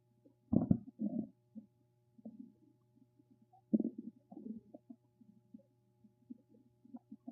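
Low gurgling and rumbling bursts with a faint steady hum in the background: stomach rumbling, ordinary bowel sounds.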